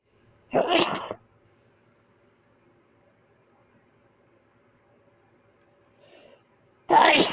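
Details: Two sharp, forceful sneezes a few seconds apart, with a brief quiet stifled sound before the second; failed attempt to hold back sneezes.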